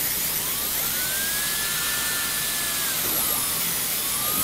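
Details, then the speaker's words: Dental drill with medium bur cutting through a metal crown for endodontic access: a steady high-pitched whine dipping and rising until white powder shows it is through the metal. "a little white powder come up there and i know i'm through the metal"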